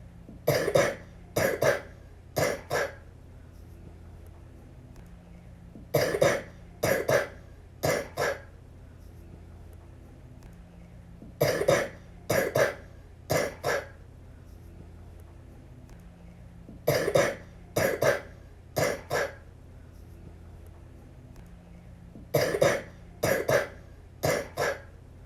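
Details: A young girl with the flu coughs in repeated bouts of three, about fifteen coughs in total: cough due to influenza.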